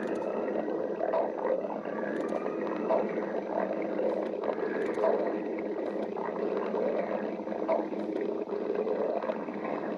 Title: Cassette girl stomach growling